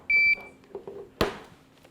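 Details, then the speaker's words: A steady high electronic beep of about a quarter second, then handling clicks: a backup LVAD controller powering on by itself once a battery is connected, in a controller-exchange demonstration. "connect battery to the new controller okay you can see the new controller powered on by itself"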